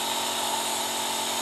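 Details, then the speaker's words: OLZVEL nebulizer compressor switched on with medicine in the nebulizer cup, tested to see whether mist comes out: continuous buzzing, whirring motor noise with a steady whine. "एक बारी on करके देखिए कि भाप आ रही है कि नहीं।"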